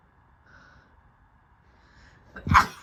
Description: Just 7 times of myself sneezing